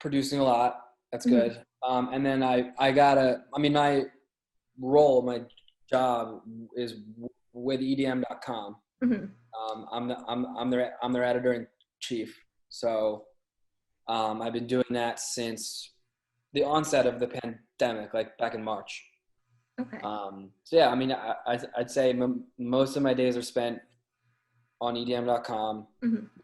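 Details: Adult male with a lifelong stutter, hard for him as a child; stuttering.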